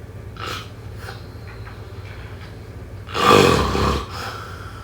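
A faint breath is followed by one loud, rough, rattling snore on an inhaled breath, then quiet: snoring.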